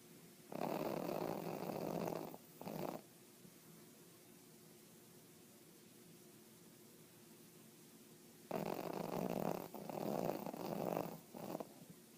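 Loud rattling snores on the in-breath, two bursts separated by a quiet pause in a still room.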